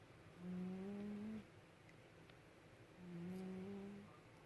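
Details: Sleeping pet cat snoring: two drawn-out, whistly, humming breath sounds about 2.5 seconds apart over a quiet room hum; ordinary snoring.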